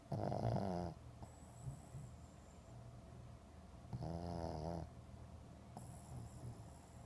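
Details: Two loud, rattling low snores about three seconds apart, with quieter breathing between them; snoring.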